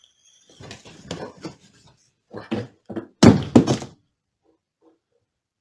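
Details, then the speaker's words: Adult man with multiple system atrophy, recorded during sleep: irregular thumps and grunting vocal bursts as he enacts a dream of swinging at and blocking someone, consistent with REM sleep behavior disorder. "I remember this one perfectly I was I was swinging on somebody I went left and right and then trying to block a couple of uh swings from the person in front of me"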